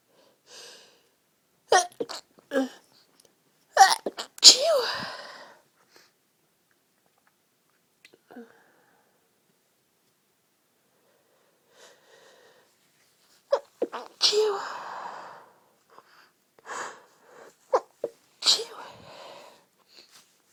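A run of short, muffled, half-held-back sneezes with quick breaths between, several in two clusters; stifled sneezing.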